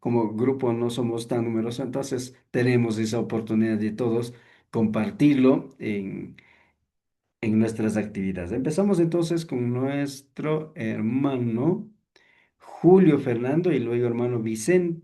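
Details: Adult male speaker; normal voice.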